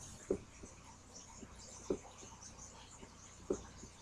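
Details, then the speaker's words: Fourth heart sound (S4 gallop) from a heart sounds teaching website: a slow, regular rhythm near 38 a minute with a soft extra sound just before the first sound, taught with the mnemonic "stiff wall". "stiff wall a stiff wall a stiff wall ok stiff wall"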